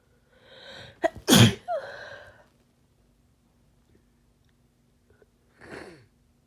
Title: More harsh sneezes from my cold